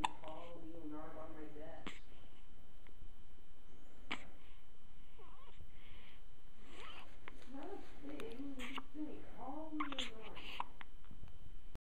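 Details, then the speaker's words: Cat (Abby) hiccupping: brief, sharp, spaced clicks between a person's soft talking; hiccups. "Abby oh bless you bless you do you have the hiccups yeah"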